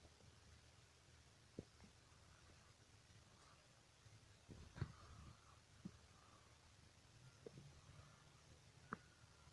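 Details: Scattered short gurgles and clicks over a quiet low rumble: ordinary stomach and bowel sounds (borborygmi).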